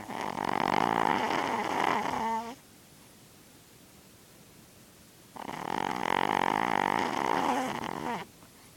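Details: Lulu snoring heavily while down with a cold and an ear infection, on the mend; extreme snoring.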